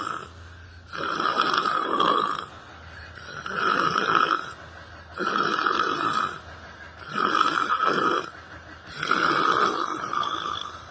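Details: Person sleeping while sitting on a library bench, with yoga and meditation mentioned: loud, rhythmic rattling snores on each in-breath, about 30 a minute, with quieter out-breaths between. Ordinary snoring.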